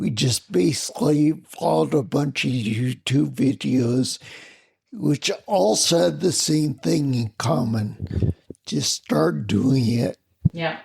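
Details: Adult man with spinocerebellar ataxia of unknown cause, a rare neuromuscular disease that began with double vision and clumsiness; slurred speech since around 1999, plus mobility problems and noise-induced anxiety, treated symptom-by-symptom through the VA; ataxic dysarthria.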